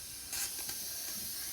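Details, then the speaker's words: Short steady hiss of escaping air as a veterinary dental unit's holding tank drain valve, with the unit shut off, is opened to release condensed air and moisture, done daily. "and what this does is that it pulls out all the air that's been condensed into the tank and you drain that at the end of each day"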